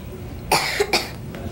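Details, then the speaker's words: A child's nighttime cough while sick. "Most people who work here at Buckley's are parents, so we know a nighttime cough is one of the toughest things on kids when they're sick."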